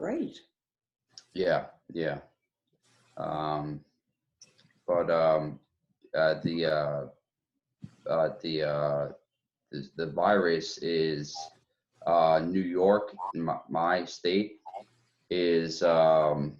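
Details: Woman with aphasia, fragmented speech with word-finding difficulty, ending by asking for help; aphasia with word-finding difficulty.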